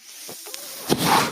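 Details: Man's own mechanical ventilator heard in the background while he records a podcast: a soft airy hiss building into a louder rushing whoosh as the ventilator delivers a breath.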